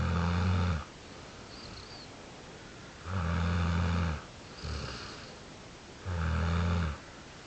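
Loud, low rattling snores on each inhaled breath, with softer breaths between, about 20 breaths a minute. Snoring.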